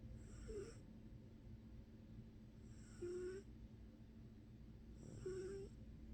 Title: Snoring Kibby